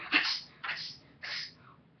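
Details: Rapid series of three sharp, hissing sneezes about half a second apart; one sneezer says they had a cold.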